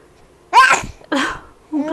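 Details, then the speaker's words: Baby girl aged 2–3 months: a single sharp burst of air, then a softer follow-on sound and a brief voice: an infant's sneeze. "you baby oh goodness did you sneeze"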